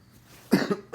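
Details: Man's cough while recording, recovering from an illness after finishing two weeks of antibiotics: one short, low, somewhat hollow cough burst in a quiet room, with the start of another at the end.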